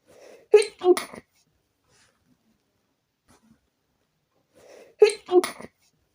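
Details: Two bouts of stifled sneezing, each a quick breath in followed by two muffled, clipped bursts, after a few sneeze-free days with a very itchy nose: stifled sneezes.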